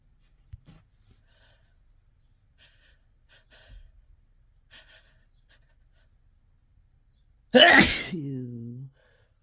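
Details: Desperate, harsh sneezing induced by chhinkni (sneezing powder): quiet breaths and sniffs, then one loud, harsh sneeze with a trailing voiced sound.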